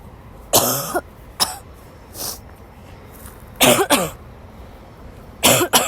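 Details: Sick young woman woke up with a cold and had a violent coughing fit in the middle of class; several harsh, forceful dry coughs in quick bursts, some in pairs, with quiet room noise between: cough.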